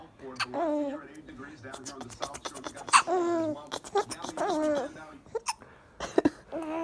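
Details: 2-month-old baby boy laughing out loud and cooing, broken by sudden short squeaky catches; hiccups that come whenever he laughs.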